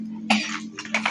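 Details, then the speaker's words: Young boy with a cold (cough and runny nose) coughing in short bursts while playing with Lego, over a steady background hum. "abang lagi batuk. Kalau teman-teman jangan minum es terus ya. Nanti kayak abang tuh umbelnya banyak."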